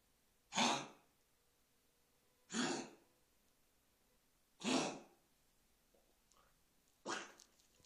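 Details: Dog on the day it started coughing: four separate harsh, airy bursts, each ending quickly, with quiet pauses between them; cough.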